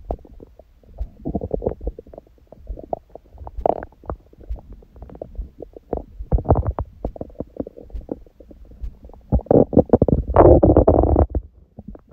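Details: Adult on a raw-food diet, after ab workout and a large first meal of the day at 16:00 following water-only fast since 19:00 previous day: frequent gurgles, pops and rumbling bursts, loudest near the end. Active normal bowel sounds.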